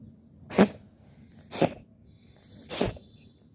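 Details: Three short, sharp, explosive bursts about a second apart: a cat's dry cough.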